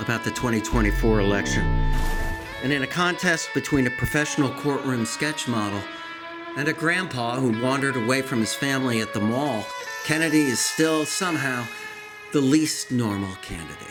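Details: Adult male narrator; normal speech.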